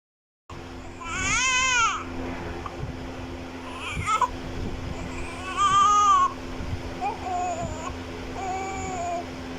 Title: Crying newborn Baby Child Sound Effect 2024| CUTE Baby Vlog |Baby Vlog